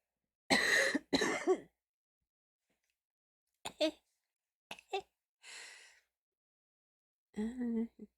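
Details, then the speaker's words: Two loud, harsh barking coughs, then smaller throaty bursts and a breath, from an adult. They describe it as a dog kennel cough, attribute it to their lung capacity, and report yearly bronchial infections. "I have a dog kennel cough if you have ever heard a dog bark that's or a cough that's exactly what it sounds like"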